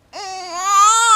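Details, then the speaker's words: Loud, sustained, rising, tonal cry from an upset newborn in a maternity ward during a newborn exam, just before cardiac auscultation to check for a heart murmur; ordinary newborn crying. "On va d'abord écouter le cœur, comme ça, tu vas te calmer, je vais peut-être pouvoir écouter."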